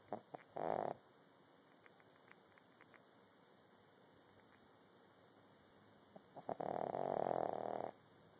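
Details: Snoring recorded on an Android phone: two rasping breath sounds, a brief one and then a longer one about a second long, separated by quiet.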